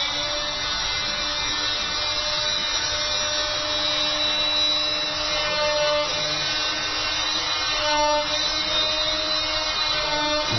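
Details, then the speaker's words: Steady high-pitched buzzing whine of a vibrating cast saw bivalving a rigid plaster cast on a padded limb with up-and-down pressure strokes, not back-and-forth; it cuts rigid material but not soft, painless for the patient. "elle vibre et ce qui veut dire que ça permet de couper ce qui est rigide mais pas ce qui est mou donc le patient de rien parce qu'en plus il est protégé par de la belle bande etc donc vraiment rassurer le ça fait très peur une scie à plat mais ça fait pas mal du tout"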